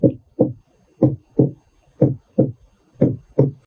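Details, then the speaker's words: Normal heart sounds: regular lub-dub pairs at about 60 a minute with no extra sounds. S1 (atrioventricular valve closure) is louder and longer, and S2 (semilunar valve closure) is higher-pitched and shorter. "passando para as três próximas ondas que formam complexo qrs é um complexo maior são três ondas representa a despolarização ventricular então consequentemente a B1 ela tem um som mais forte e ela dura mais em relação a B2"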